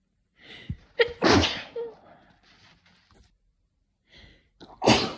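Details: Person at home with hay fever, not sick, sneezing constantly on waking in itchy, dry, rapid fits, some into a tissue or hand: two forceful sneezes, each preceded by a sharp in-breath, a few seconds apart.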